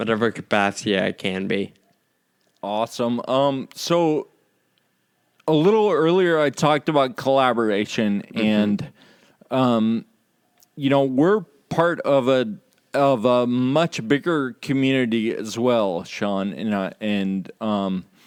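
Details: Ataxic dysarthria in a male podcast host with Friedreich's ataxia, who says slurred speech is a symptom of his condition, along with loss of balance and of muscle control in his legs and arms.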